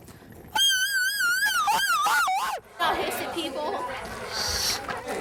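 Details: Girl with Tourette syndrome who has many vocal tics, including hissing, roaring and animal sounds. Finding: vocal tic (animal-like sounds) in Tourette syndrome.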